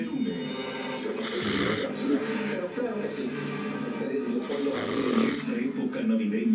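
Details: Snoring after the December 24 party: two rough, rattling snore bursts a few seconds apart, partly masked by television talk and music.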